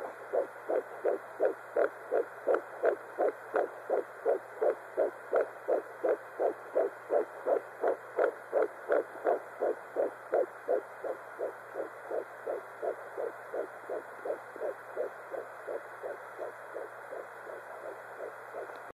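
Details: Fetal Doppler at 12 weeks of pregnancy: rapid, regular whooshing pulses at about 167 beats per minute; normal fetal heartbeat.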